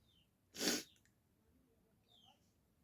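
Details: Deliberately triggered sneeze, provoked with an ear-cleaning stick in the nose during a sneezing challenge without a handkerchief: a quick breath in, then a single forceful sneeze in a quiet room.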